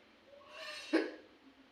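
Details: Single abrupt, voiced hiccup from a woman, led in by a brief breathy intake of air; a normal hiccup with no other sound.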